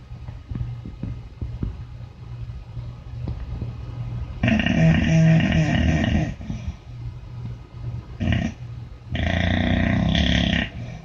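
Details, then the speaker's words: Sleeping dog gives loud, rattling, drawn-out snores with quieter breathing and low background rumble between them; heavy snoring. "I think he needs a CPAP"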